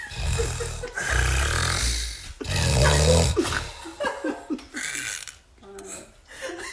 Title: homem tem o maior ronco do mundo 😆 man has the biggest snoring in the world